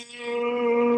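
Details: 74-year-old with Parkinson's disease, weak voice and swallowing problems, whose atrophied vocal cords were injected with filler; the cords now close completely, giving an improved voice after vocal fold injection.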